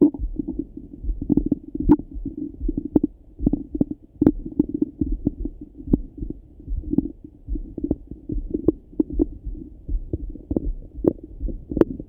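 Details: Irregular low gurgles and rumbling pops heard through a stethoscope over the abdomen in the morning; everyday stomach rumbling, normal bowel sounds (borborygmi).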